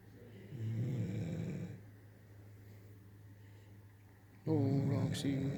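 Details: Blue nose pit bull, female, asleep at night, snoring: a low snoring rumble, a quieter stretch, then a louder snore at the end.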